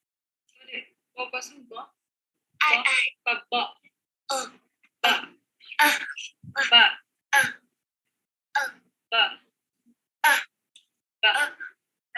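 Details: Child with dysarthria and laborious speech who cannot produce plosive sounds, from a laryngeal and bilabial speech motor problem; it resembles apraxia but is not apraxia, and intonation is otherwise fine. Dysarthria.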